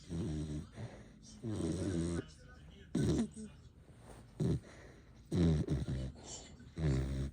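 Loud, deep, irregular rattling snores, sometimes overlapping as if from more than one sleeper, with short gaps between: snoring.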